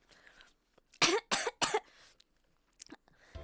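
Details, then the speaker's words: Live-streamer eating while talking, choking on chicken dust stuck in the throat: three short dry coughs in quick succession with throat clearing, a cough said to sound the same every time. "I am choking on chicken dust that is in my throat because I was talking while I was eating. It sounds like the same cough soundbite."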